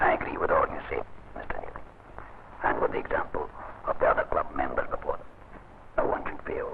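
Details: Man whose larynx was surgically removed (laryngectomy), speaking with esophageal speech produced by swallowing air into the esophagus; real patient shown in an educational film.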